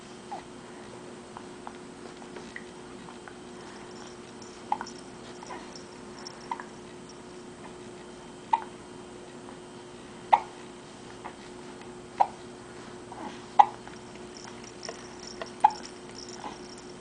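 Soft, abrupt clicks recur every couple of seconds in a quiet room, irregularly spaced, fitting hiccups.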